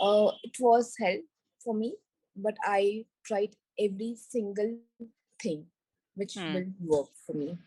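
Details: Woman with global aphasia after a stroke during an Everest base camp trek about four years earlier, initially unable to speak, read, write or spell; recovering after speech therapy; aphasia after stroke (recovering).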